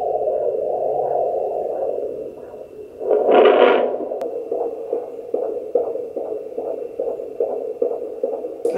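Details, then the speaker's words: Home Doppler on a pregnant woman: her own slower pulse first, then after a loud shift a rapid, regular whooshing fetal heartbeat about 140–150 a minute, almost double hers. "so this is her heartbeat which is what we heard last time it went away that's me now I'm going to find this is him so you can hear that it's much faster"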